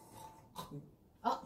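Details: Adult imitating snoring sounds in a quiet room, as from an obstructive sleep apnea and snoring context: brief voiced grunts and a short snorting burst, mimicked snoring.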